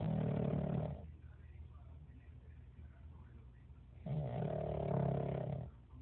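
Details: Pug dog snoring very loudly: two loud, deep, rattling snores about four seconds apart with quiet breathing between.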